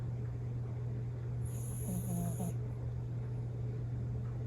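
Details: Sleeping Bichon Frise dog: a soft, brief snorting snore over a steady low room hum; ordinary snoring.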